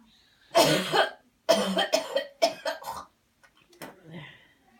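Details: Guided cleansing coughing technique, counted deep breaths in and out first: a bout of about five forceful coughs after a deep breath in, then a final softer cough, an airway-clearing coughing effort.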